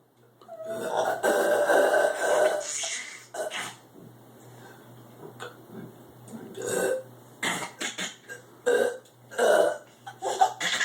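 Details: Adult man, the father, burping while a baby laughs: a long, loud, drawn-out burp, then shorter voiced bursts and quiet room sound; burping.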